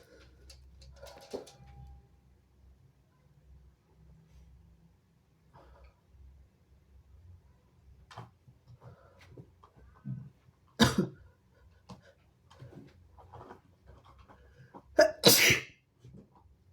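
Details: Quiet sniffling and rustling, then two sharp, explosive, strong sneezes, the second a quick double burst, spraying onto the phone, with room hum underneath.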